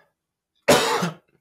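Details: A single abrupt half-second cough from an adult male who is recovering from laryngitis and lost his voice, heard in a quiet room while he talks.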